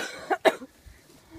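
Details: Two short coughs from a young person, ill with pneumonia for the past four days, while walking outdoors on a bridle path.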